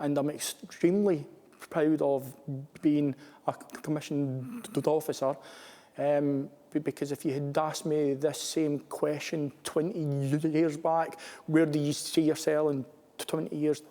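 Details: Adult male commissioned officer who stammers; stammering.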